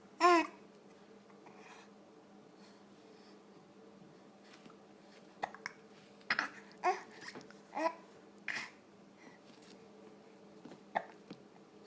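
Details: Baby girl: several short, sharp voiced catches at irregular intervals among soft baby sounds in a quiet room; infant hiccups.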